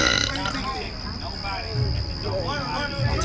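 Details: Voiced, drawn-out burp of about three seconds, done deliberately in a Mexican restaurant with music and background noise; burping.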